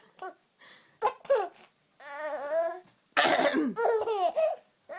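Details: Mother coughing while her baby laughs nonstop each time she coughs.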